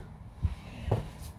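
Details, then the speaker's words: Pet dog with an elongated soft palate, owner reports it snores a lot; two low, rough snorting breaths from noisy airflow: snoring. "él se escuchan ronquidos él tiene el paladar viperino y tiene mucho ruido muchos ronquidos"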